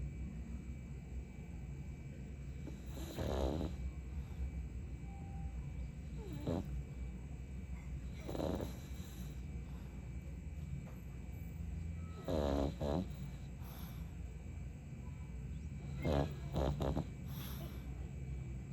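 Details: Pug snoring while asleep: soft, low, snorting snores recurring every few seconds over a steady background hum, with a few quick double snorts.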